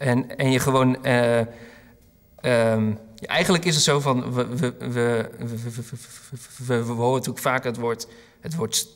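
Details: Stuttering in a person who stutters, speaking Dutch; long pauses between phrases may be stuttering blocks, though this stretch is not labelled as such.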